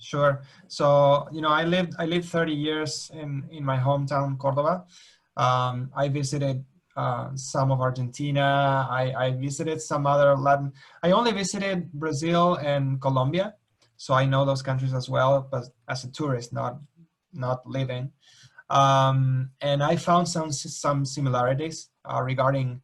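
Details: Adult male speaker; ordinary speech.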